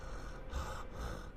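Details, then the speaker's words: Adult streamer's low, rough purring rattle from loose airway secretions, heard just before a cough to clear it; rattling breath. "you hear that Rattle and that's why I have to cough hang on that's better so I end up purring like a cat when I'm streaming"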